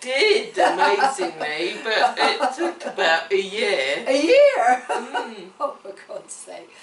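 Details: Adult woman with cerebellar ataxia affecting her speech, coordination and swallowing; ataxic dysarthria.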